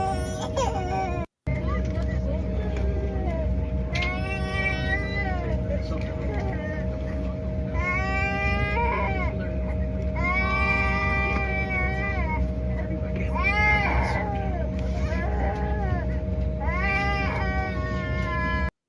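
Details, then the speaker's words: An infant cries in repeated wailing bursts throughout a flight, over steady engine drone in an airplane cabin. "This is baby crying from some dude on bar stool."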